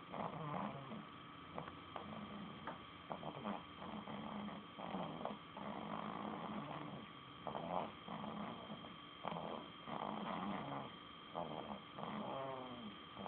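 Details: Person snoring, recorded 10-4-11: continuous rattling, rumbling breaths with brief gaps, repeating over a steady background hum; snoring.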